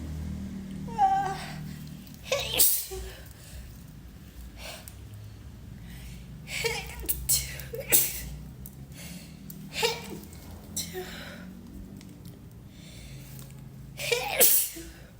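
Repeated sneezes, about five or six, with gasping intakes and brief apologies between; deliberately tickled sneezing.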